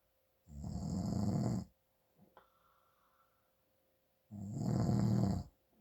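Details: Father snoring from congestion during sleep; two long, loud, low rattling snores about four seconds apart, with a quiet pause and a faint click between.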